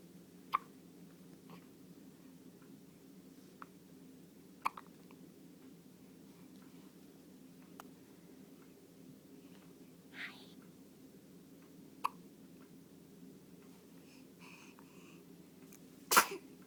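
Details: June with hiccups and sneezes; repeated small, sharp hiccup clicks about every few seconds, roughly five in sixteen seconds, over a steady low room hum.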